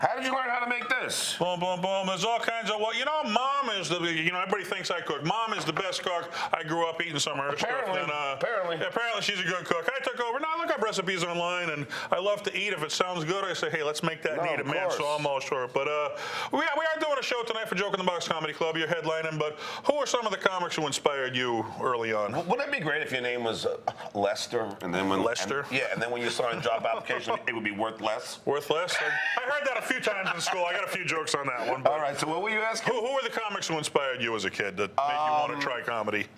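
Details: Adult men in conversation; conversational speech.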